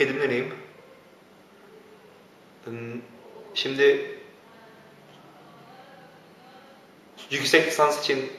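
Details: Male speaker with stuttering, with long pauses and blocks between words.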